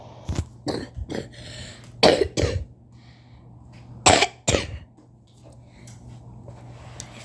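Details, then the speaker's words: Person feeling unwell coughing while playing a video game: about seven short coughs in three clusters over seven seconds, with a steady background hum; a repeated dry-sounding cough. "you do not mind me coughing i'm just a little not feeling good"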